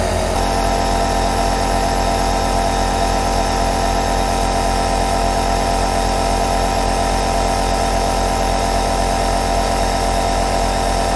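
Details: Two aerosol nebulizers running together: a steady, unbroken mechanical hum with a fine rapid buzz and constant loudness throughout, a normal operating sound.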